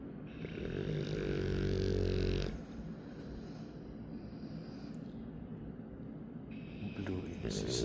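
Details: Person asleep at 1 a.m. beside the recorder: a long, loud, rumbling snore on breathing in, then quieter breathing under steady room noise; snoring during sleep.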